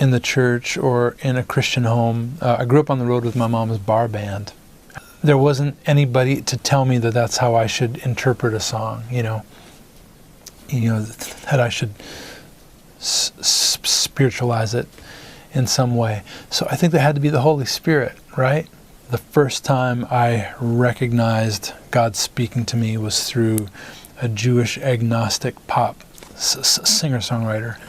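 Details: Adult male singer-songwriter with stuttering, which he says began in first grade around his parents' divorce and goes away when he sings; it is described as largely healed in later years; stuttering.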